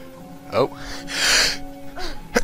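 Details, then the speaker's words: A single adult sneeze someone tried to hold in: a short voiced intake, then a hissing burst, over steady background video game music. "ow damn it I was trying to hold that in I was like oh I got sneeze no wait hold it in don't let the viewers hear you sneeze cuz it's very disgusting and no one want to hear that"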